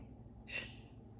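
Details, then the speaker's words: Female dog that snores loudly, asleep: a single short, hissing snort-like breath over a low room hum; snoring. "I'm sorry if you hear a sound do you hear that it's my dog she snores so loudly"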